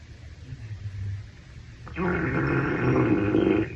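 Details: Low rumbling then a sustained gurgling growl lasting a couple of seconds from an adult male's stomach after a shower, described as hungry; stomach growling (borborygmi).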